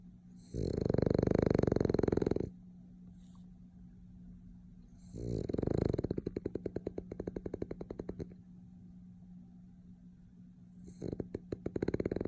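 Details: Snoring while napping, recorded in an old video: three loud, rattling snoring breaths with a fluttering vibrating quality, separated by quiet pauses.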